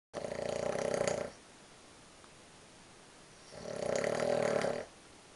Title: XC downhill team on tour - snoring